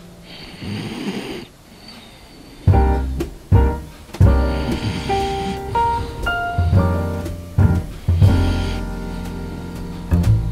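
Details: French bulldog snoring peacefully while sleeping on a winter night, heard in the background behind cosy music; snoring.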